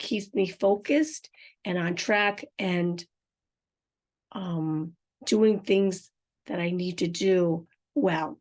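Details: Adult woman with aphasia and apraxia of speech after a stroke, unedited podcast speech, some words hard to understand especially when passionate; aphasia with apraxia of speech.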